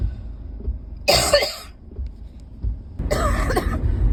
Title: #7 - this cough is still so bad